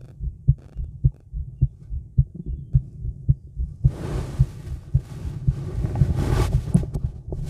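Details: Female heartbeat recorded outdoors in the woods after smoking: regular low thumps at about 109 a minute, slightly fast, with rustling in the second half; a normal heartbeat.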